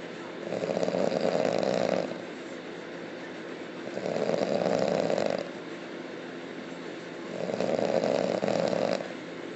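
Three loud, rough, rattling breaths in about ten seconds, roughly 18 a minute, each with a coarse vibrating drone; heavy snoring.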